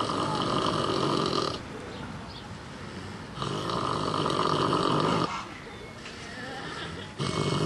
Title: Snoring Pig